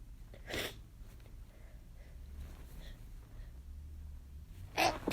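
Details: Two brief, sharp, hissing small sneezes after taking chhinkni, in a quiet room with a low background hum.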